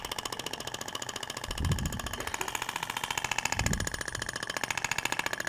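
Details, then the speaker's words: Radial shockwave device (IBRAMED Thork) firing in rapid, regular clicks at about 15 per second, with dull thuds as the tip zigzags over abdominal tissue near the ribs and umbilical scar, applicator at 90°, in a practical training demo. "e o disparo eles ocorrem distribuído de forma lenta e E aí E aí é interessante que você consegue visualizar a propagação da onda você vê que até o tecido vibra né"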